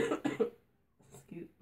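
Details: Adult sick with a cold-like illness with voice loss and loss of taste and smell: a quick run of three short coughs followed by a quiet murmured word; coughing fit.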